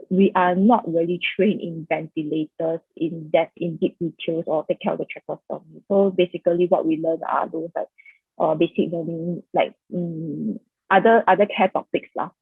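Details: Adult presenter; Typical speech.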